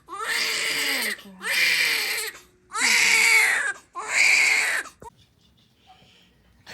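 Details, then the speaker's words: Four loud, strong cries of about a second each, separated by short breaths; a baby girl's vigorous cry right after birth following induced labor and pushing. "So, baby girl is here. It has been what? Since from 9 to 11:26, baby girl's here."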